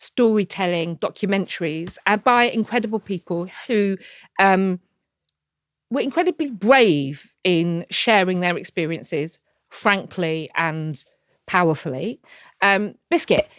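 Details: Tourette syndrome in an adult woman diagnosed in her early to mid 20s and a wheelchair user, with frequent involuntary vocal tics of repeated words, including coprolalia.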